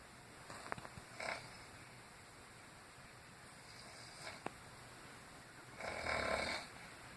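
Irregular rough, rattling breathing noises during sleep, with a louder harsh snore near the end; snoring.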